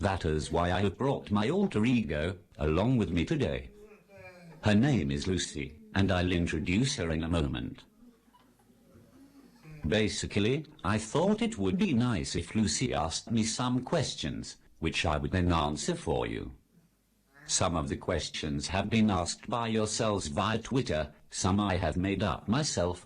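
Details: Text-to-speech communication aid used by an adult man; Synthetic speech from a speech-generating device.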